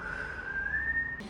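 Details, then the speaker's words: Imitated wheeze: steady, slightly rising high-pitched whistle about a second long, demonstrating sibilancias heard on lung auscultation of adult male patient breathing through open mouth; rhonchi and lower crackles also reported. "Después de escucharle a su pulmón, podemos identificar algunos ruidos que no son normales, ya no son los ruidos característicos del pulmón. Escuchamos sibilancias cuando usted está cortando su aire, escuchamos un ruido."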